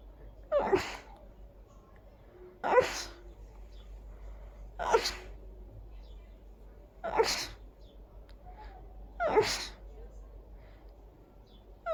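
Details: Itchy, miserable sneezing fit: five loud, forceful sneezes about two seconds apart, each with a sharp intake and explosive release, with laughter around them.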